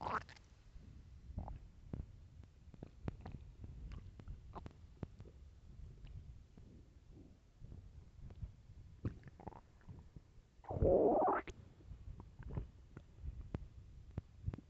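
Low gurgling and squelching rumbles with one loud longer growl near the end: stomach growling, a normal sound of an empty gut.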